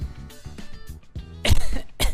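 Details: Two short, harsh cough bursts over background music during a live stream, fitting a dry, unproductive cough.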